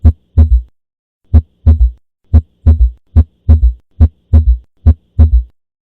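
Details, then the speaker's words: Third heart sound (S3, ventricular gallop) heard at the apex with the stethoscope bell: a low-frequency early-diastolic sound from rapid ventricular filling. Regular beat near 70 a minute with a dull extra sound just after S2. "เสียงดังกล่าวเป็นเสียงความถี่ต่ำจึงใช้ดันเบลของstethoscopeในการฟังเป็นเสียงที่เกิดขึ้นในช่วงearlydiastolicและจัดอยู่ในจำพวกventriculargallop"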